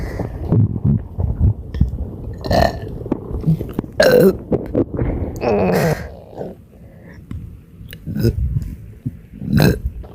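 Several loud, drawn-out burps in quick succession with brief pauses between; repeated belching with bloating.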